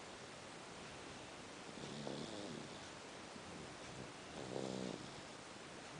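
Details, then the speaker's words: Sleeping baby boy snoring: two soft, low, rattling snores over steady background hiss. "Listen to my baby. He's snoring. Like father, like son."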